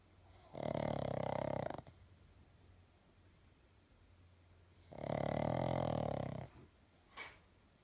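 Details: A pug, a flat-faced dog breed, snoring loudly: two long, rattling snores on breathing in, with quiet pauses between, in a small room.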